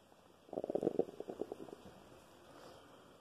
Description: My stomach is making loud noises today. Some days are louder than others.